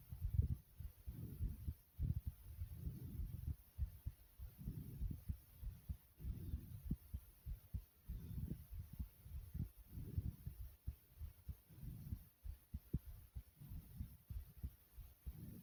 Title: My Heartbeat Recording